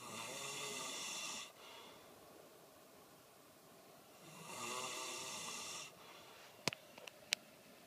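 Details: Two long, whistling, rasping snores about three seconds apart, quiet between, then a few faint clicks; snoring during sleep, recorded 2013.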